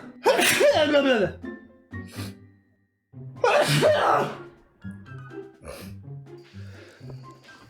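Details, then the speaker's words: Two loud adult sneezes a few seconds apart, each a rising voiced intake ending in a sharp explosive burst, over quiet background music. "I have to sneeze and then I did Jesus what mate [Music] with me that was a weird sneeze"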